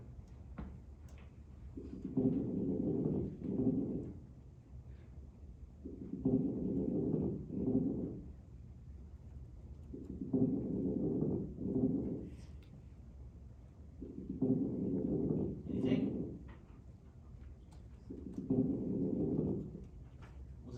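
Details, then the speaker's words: Crackles (rales) in a COPD demonstration: five slow breath cycles, about 14 a minute, with faint popping and crackling, a wobbling sound, associated with fluid. "CU rails are are usually crackling right yeah okay you kind of hear that wobbling sound okay"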